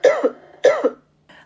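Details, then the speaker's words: Ninth sound in a body-sounds listening quiz: two sharp, loud coughs about half a second apart, each with a short rough tail, then a faint breathy sound; an ordinary cough, linked in the narration to colds. "I really often have this problem, which is coughing. This is the sound of coughing. When we have a cold, we have a fever."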